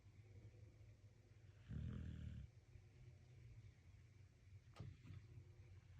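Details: Sleeping dog giving a low, rumbling, rattly snore against a steady background hum: dog snoring.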